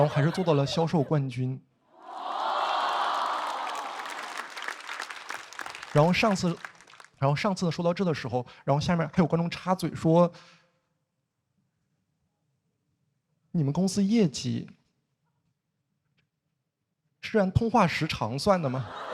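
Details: Male comedian who stutters, performing stand-up; stuttering.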